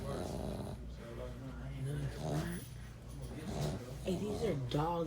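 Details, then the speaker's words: Loud, rough, low rumbling snores repeating unevenly from sleeping dogs, with people's voices in the background; snoring. "dogs that are snoring like this. Who does that? My man."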